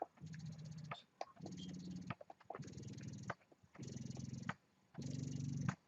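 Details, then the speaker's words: Rhythmic motor hum in pulses of about 50 a minute with soft clicks: a Spectra S2 hospital-grade closed-system electric breast pump in expression phase, with tubing connected, fairly quiet. "so once you have the tubing connected you guys can see or here how loud it is it is actually not loud at all"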